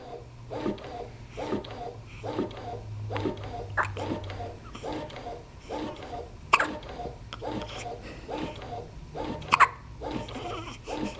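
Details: Regular train of short, abrupt voiced hiccup sounds, about one per second, over low room hum, after a meal; hiccups.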